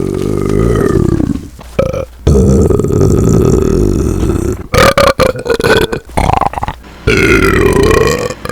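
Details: Deliberate repeated burping: several long, loud, deep voiced belches in a row with short pauses between them.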